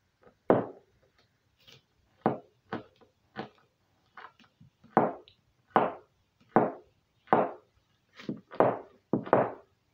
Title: cracking toes